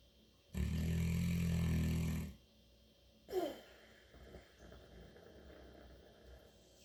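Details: St. Bernard dog snoring unusually while asleep: one long, loud, deep rumbling snore, then a short snort and quieter breathing.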